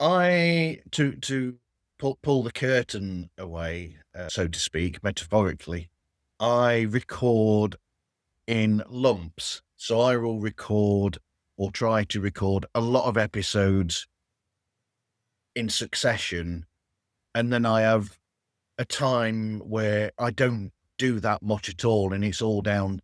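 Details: Adult man speaking; conversational speech.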